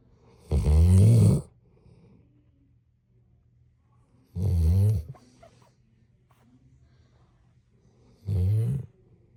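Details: Three deep, rumbling, rattling snores on the in-breaths, roughly 16 a minute, with quiet pauses between: snoring.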